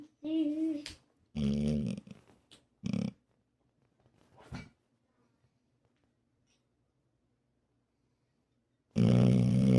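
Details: Loud, rough, low snorts in a rapid irregular run, then a pause and another loud rattling snore from a sleeping male, described as very loud; snoring.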